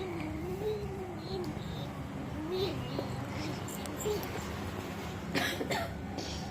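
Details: Cough from a half-year-old baby imitating her mother's cough: soft infant babbling over room noise, then two short, dry cough bursts near the end.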